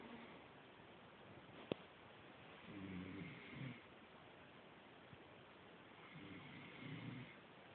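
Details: A small sleeping animal gives two soft, buzzing snores on inhalation about three seconds apart: gentle snoring.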